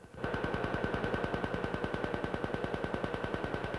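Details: Summit Apex Plus excimer laser firing during LASIK surgery on an adult patient's right eye, in real time: rapid, steady snapping pulses, about 200 a minute.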